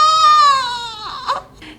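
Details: Newborn twin girl just after an induced natural delivery gives one sustained, high-pitched wail that falls slightly in pitch, then trails off with a brief whimper.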